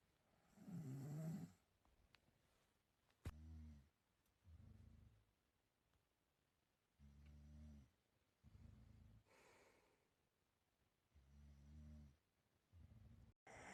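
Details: Self-recorded snoring of a person asleep: soft buzzing snores in pairs, a vibrating sound on breathing in and a shorter one on breathing out, in a quiet room.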